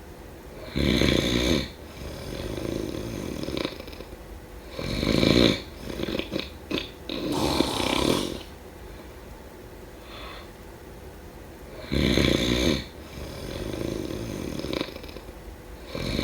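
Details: Loud, rough, rattling breaths in uneven bursts with snorts and quieter gaps, during sleep: snoring.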